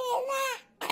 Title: my cute adament baby crying ❤️❤️❤️